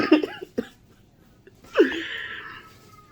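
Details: A few short hoarse coughs and a voiced exhale from an adult diagnosed at urgent care with an upper respiratory infection; lungs sounded good, no ear infection. Also has headache, prescribed cough pills; cough.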